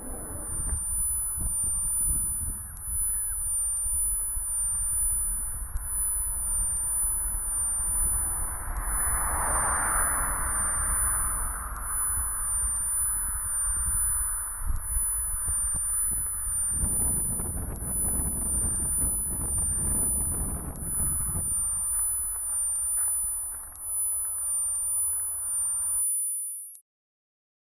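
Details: Simulated tinnitus: a steady, very high-pitched ringing tone over faint outdoor background sounds, illustrating what tinnitus and hearing loss can sound like; may excite a listener's own tinnitus.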